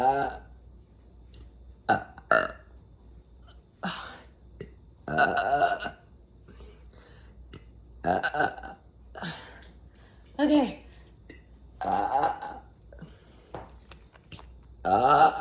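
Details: Person burping: about ten loud, deep belches with quiet pauses over fifteen seconds, afterwards saying they feel much better; burping.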